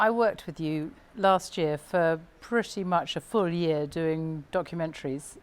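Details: Adult woman speaking; no speech disorder.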